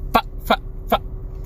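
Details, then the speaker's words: Adult man with Tourette syndrome, a stand-up comedian: three quick, honk-like involuntary vocal bursts, an animal-like vocal tic. "i really do like making unintentional noises at y'all and teaching you all about tourette's syndrome"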